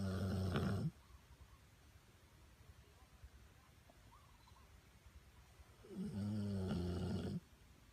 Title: Pitbull!! Snoring Bobby zzzzz